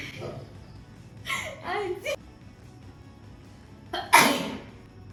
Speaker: I'm recording sneezing challenge.